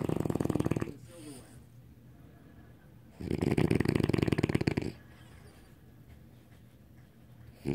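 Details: Loud, rumbling snoring from a French Bulldog dog asleep, likened to a Harley motorcycle.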